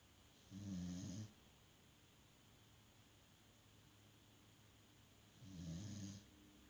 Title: Snoring doggy🐶